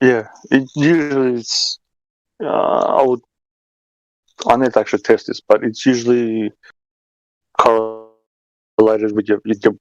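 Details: Man who stutters and says his stuttering is starting to kick in; stuttering.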